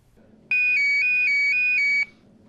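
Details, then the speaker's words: LifeVest wearable external defibrillator alarm tested by a man with past quadruple bypass and later heart surgeries: a loud, steady, high-pitched tone lasting about 1.5 seconds, signalling a dangerous heart rhythm. "that's a sound lee wickenheiser hopes he never has to hear for real he's testing out the life core vest an external defibrillator designed to jump into action should his heart go out of rhythm"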